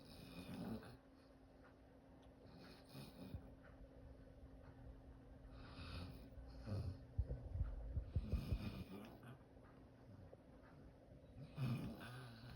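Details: Sleeping dog snoring and dreaming: irregular low rumbling, snorting breaths with soft snuffles and twitchy sounds; snoring during sleep.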